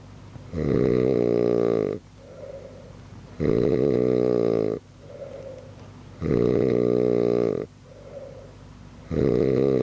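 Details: Adult man sleeping, snoring loudly enough to keep others awake all night: loud, rumbling, rough in-breaths with quiet out-breaths, about 21 a minute; heavy snoring.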